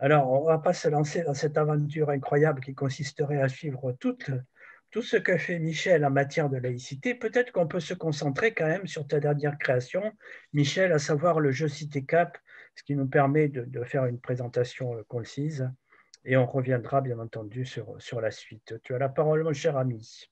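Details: Adult man speaking French; normal voice.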